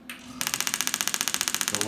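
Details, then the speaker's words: Storz D-Actor 100 radial pulse-wave (shockwave) handpiece firing over ultrasound gel to treat rotator cuff tendon pain in the shoulder: a brief hiss, then a steady, noisy train of sharp, rapid mechanical clicks. "the way that this works is I'm going to apply a little bit of ultrasound gel II and then you'll kind of hear that as it turns on it's a little bit noisy"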